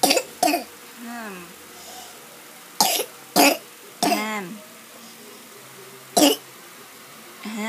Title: Baby Series - cough